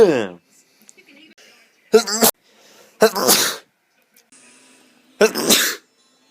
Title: me sneezing compilation #2